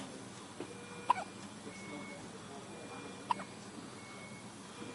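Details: A child has the hiccups; one hiccup seems to hurt a little.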